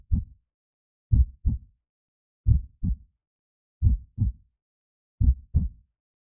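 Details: Produced creepy heartbeat sound effect for Halloween and horror, not a recorded patient: slow, heavy, evenly spaced lub-dub beats at about 44 a minute.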